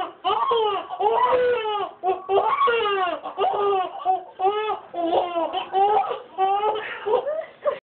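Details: A 13-year-old girl imitates a baby crying, first with her mouth open and then closed: wailing, high-pitched voiced bursts with rising and falling pitch, an imitated baby cry.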